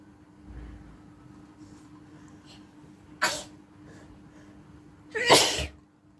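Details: Person sneezing: two sharp sneezes, the second louder and longer, against a quiet background.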